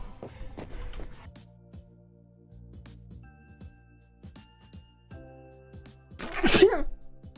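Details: Streamer sneezing during a livestream: a single sharp sneeze over soft background music and low voices, followed by "excuse me."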